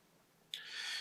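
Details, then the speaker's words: Ear wax microsuction of a patient's right ear, with oil put in at the start to soften the wax; history of chronic childhood ear infections and grommets, cloudy eardrums. Quiet start, then a steady high-pitched hissing suction noise. "just put some oil in right from the beginning of the procedure it's just helped change the consistency enables me to suction it a lot easier"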